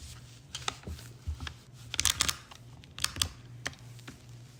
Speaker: And the clicking that you hear is it locking into the socket.